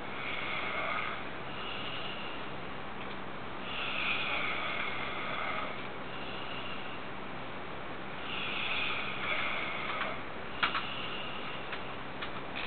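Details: 15-year-old snoring loudly: repeated long, raspy breaths over steady room noise, about five cycles a minute; snoring.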